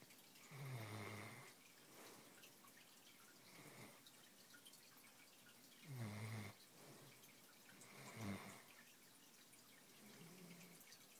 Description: Moose fell asleep after a long day. This is what I hear all of a sudden